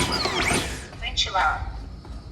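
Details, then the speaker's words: Portuguese recorded voice of a LUCAS mechanical chest compression device saying "ventilar" during its pause after 15 compressions, prompting two rescue breaths before compressions resume automatically; a training demonstration. "ele vai dizer ventilar, ventilar e ele vai retomar a operação, tá?"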